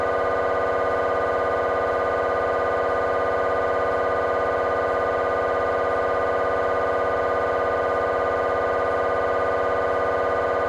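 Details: Scanner noise from a GE 3T MRI of the petrous bone (Felsenbein): a steady rapid buzzing hum about 200 times a minute, the gradient noise of a T1 fast spin echo sequence.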